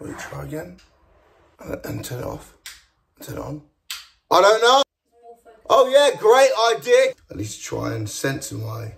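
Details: Male speaker with Tourette syndrome, a neurological condition causing involuntary twitching, shouting, strange noises and often inappropriate language: Tourette syndrome vocal tics.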